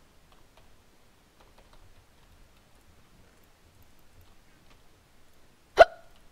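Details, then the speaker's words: Person with ongoing hiccups while talking and playing a video game: a single sharp, abrupt hiccup in a quiet room with faint clicking in the background. "I'm telling you it's the hiccups see I'm not actually bad it's just the hiccups"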